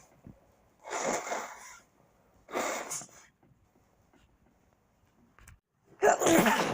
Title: A full week of my sneezes